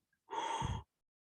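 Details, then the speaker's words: Vocal imitation of a diastolic murmur in a lecture on heart murmur classification: a single soft blowing breath representing a murmur heard after the second heart sound, in the long silence (diastole). "si escuchan después del segundo ruido es decir en El Gran Silencio todos ustedes dirán que tiene connotación diastólica dirán o seas culta un soplo diastólico"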